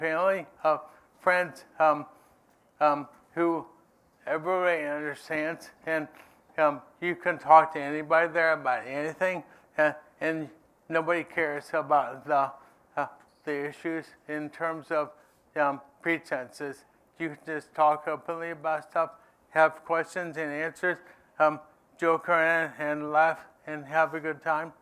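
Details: Adult man living with ALS who says his own speech isn't great: dysarthria (ALS)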